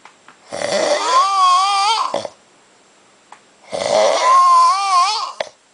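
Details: Adult man snoring after a big night of drinking at Oktoberfest: two long, loud, tonal, wavering snores about 1.5 seconds each with quiet pauses; snoring.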